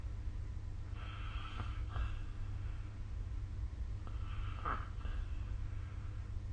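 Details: Snoring recorded with the SnoreLab app during sleep: two soft, rough breathing sounds about three seconds apart under a heavy low rumble; quiet snoring.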